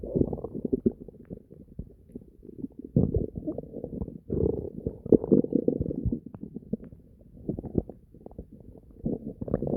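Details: Bowel sounds (borborygmi).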